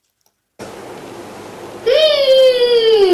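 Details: Young girl with Dravet syndrome who has no speech and communicates non-symbolically, vocalizing during play; non-symbolic vocalization (absent speech).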